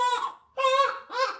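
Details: Newborn baby crying during a bath; two or three loud, high-pitched, tonal cry bursts with brief pauses; vigorous, normal newborn cry.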